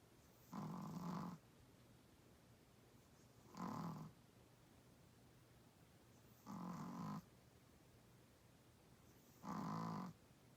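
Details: Small 8 lb Chihuahua-Pug mix dog snoring loudly: steady, rumbling snores on each breath, about 20 a minute, with quiet gaps between.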